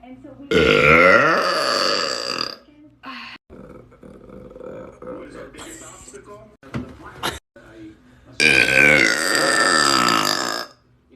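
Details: Two long, loud, croaking belches about two seconds each, brief talk between; burping.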